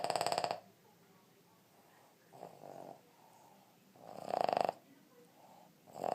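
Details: Snoring in a 2½-year-old male Boston Terrier, unusually woodpecker-like: rapid, rattling, buzzy snores in bursts a few seconds apart, with softer breaths between.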